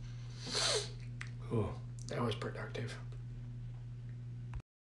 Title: 2 sneezes and a productive afternoon soft blow (1/11/2022)